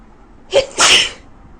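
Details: A woman with a very bad cold who cannot breathe through her nose: a short in-breath, then one sharp, loud, hissing sneeze during a sneezing fit.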